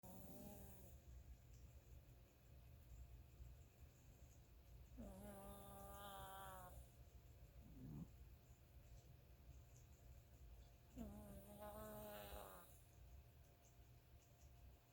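Two long whistling, tonal snores about six seconds apart over steady room hum. A small dog snoring during sleep.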